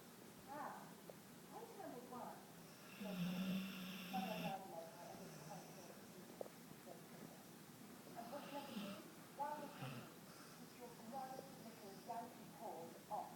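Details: Snoring while fast asleep and out cold: repeated rough, snorting breath sounds with some faint whistling tones.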